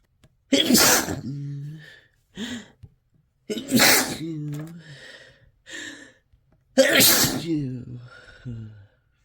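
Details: Uncontrollable sneezing after chhinkni: three forceful, explosive sneezes, each with a sharp inward gasp before it and a trailing voiced cry; a harsh repeated sneezing fit.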